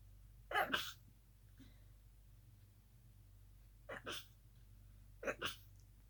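Three muffled, held-back sneezes, each in a quick double burst, spaced a few seconds apart over a low steady hum.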